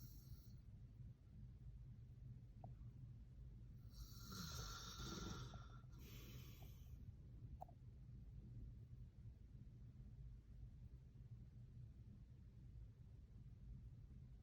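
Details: Adult man (father) snoring during sleep: a couple of rough, snorting snores, then quiet breathing against steady room noise.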